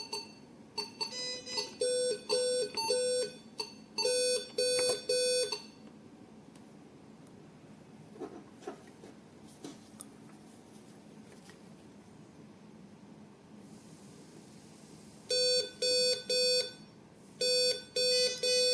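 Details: Groups of high-pitched electronic beeps repeat, pause, then resume: an alarm on an E15 multi-parameter patient monitor shown during repair and maintenance.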